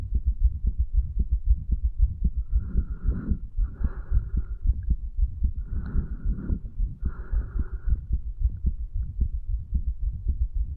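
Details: 35-year-old male's own heartbeat, stethoscope over the tricuspid area placed lower than usual, recorded after medical marijuana and nicotine: steady, regular low thumps at roughly 113 beats per minute.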